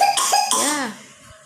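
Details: A child gives a short voiced cough while trying to blow out birthday candles, with steady tones behind.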